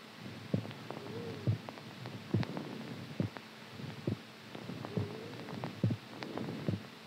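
Soft low thumps in pairs at about 70 a minute over a steady hum: a heartbeat at a normal resting rate.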